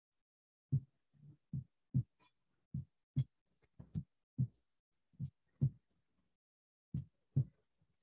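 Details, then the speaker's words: Normal first and second heart sounds (S1, S2) in a roughly 20-second veterinary physiology teaching recording: soft, low lub-dub thumps in pairs with brief pauses. "esse primeiro som ele é um som normal então vocês vão captar presença de assim um e presença de PS2"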